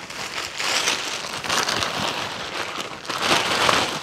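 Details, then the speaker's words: Simulated basic life support training on a child with a tracheostomy: after the Swedish nose is removed, the tube is suctioned, giving a steady rushing, crackling hiss; the child is then found not breathing. "just gonna try some suction can you just take the swedish nose off yep i can suction her tube"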